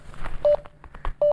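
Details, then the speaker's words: Pulse oximeter beeps from a Checkme Pro multifunction device with a finger inserted in the sensor: two short steady electronic beeps while it reads, with faint room noise; result pulse rate 79, SpO2 98%. "इसकी beep भी आपको सुनाई दे रही है। तो ये जो है ये मॉनिटरिंग हो रही है, डाटा एनालाइज हो रहा है।"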